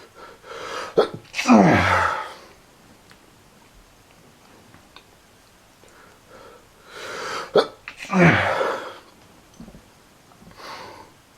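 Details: Painful, persistent sneezing from awful allergies: two forceful sneezes, each with a short breath in before the burst, with quieter breathing sounds between.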